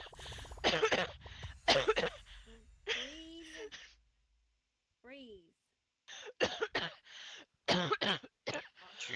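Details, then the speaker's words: Coughing fit during casual play with friends: repeated harsh cough bursts in clusters, with brief pauses and strained voiced catches between bouts; the person is told to breathe and drink water, and says it's happened two nights in a row. "You okay? Who's an asthma attack? That's twice I've done that now."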